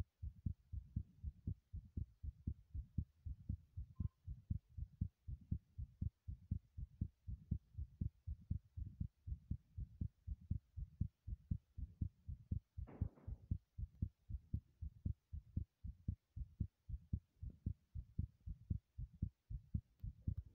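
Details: Own heartbeat recorded while running in a bathroom: fast, regular beats at about 120 a minute, a rapid heartbeat during exercise.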